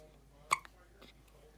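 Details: Four-day-old baby with hiccups: a single short, sharp hiccup with a small click after it, then quiet room noise.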